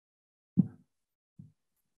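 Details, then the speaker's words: Snoring in a sleeping child: two brief, low, rattling snorts, an upper-airway noise during sleep, arising from nasal obstruction or oral cavity abnormality; commonest cause hypertrophy of pharyngeal lymphoid tissue. "Tiến thở ngáy là một tiếng bất thường thường gặp ở đường hô hấp trên xuất hiện khi viết tắt mũi hoặc bất thường ở trong khoang miệng"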